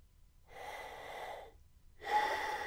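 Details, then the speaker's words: Two airy, rushing breaths of about one second each, with a pause between, through a PASPORT spirometer mouthpiece held between the teeth with lips sealed. These are normal breaths taken through the mouth only during a lung-volume demonstration. "I'm going to just take normal breaths making sure I breath only through my mouth and not through my nose."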